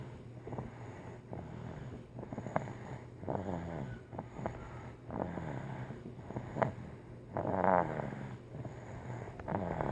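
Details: Pet snoring in sleep the day after her vaccinations: rhythmic rumbling, fluttering snores, about one a second, over steady background hum.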